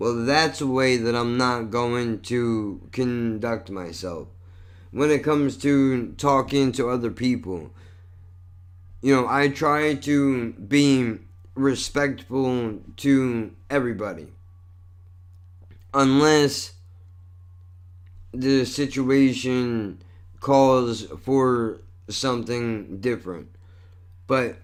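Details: Adult male with cerebral palsy and multiple sclerosis, a neurological disorder he says affects his speech and involves some body movement: dysarthria.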